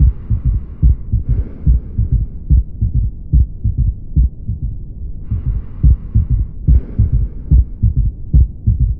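Regular low heartbeat near 71 per minute with an extra soft thud after the second sound, an S3 gallop.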